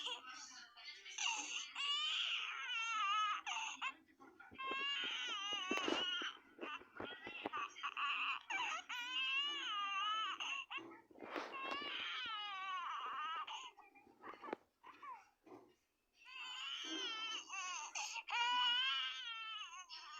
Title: baby out oof hiccup crying